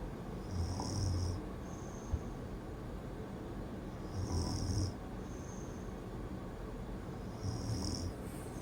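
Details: Adult woman (the poster's mother) snoring: low rumbling snores with a hissing, whistly, robot-like edge, about 18 breaths a minute, over steady room noise.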